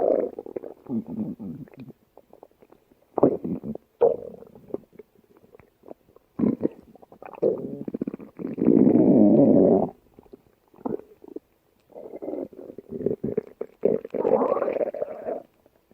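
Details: Stomach growling (borborygmi): irregular gurgling and rumbling bursts with quiet gaps.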